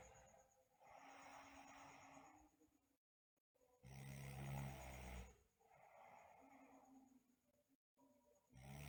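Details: Sleeping girl with snoring and teeth grinding (bruxism): rough snoring breaths, one stronger rattling snore among softer noisy breaths; snoring.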